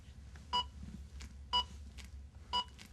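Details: Zoll AED Plus Trainer 2 running a training scenario after no-shock advised: three evenly spaced electronic beeps about once a second in a quiet room, the CPR pacing metronome.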